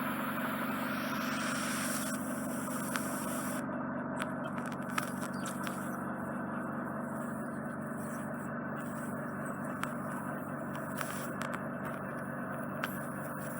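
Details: Continuous suction hiss with scraping and crackling as a fully occluding, dry-surfaced wax plug is drawn out of the left ear canal in pieces by endoscopic e-suction.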